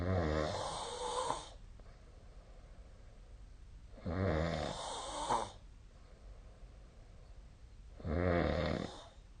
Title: 🐽 本日のイビキ / Snoring Sleep Sound 2025/02/25